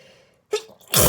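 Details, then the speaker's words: Allergic sneezing fit from flowers received for Christmas: a quick inward breath, then a loud explosive sneeze. "i'm having some random allergic reaction that's like random i know what it is i got some flowers for christmas and even i'm allergic so i still accept them because i love them"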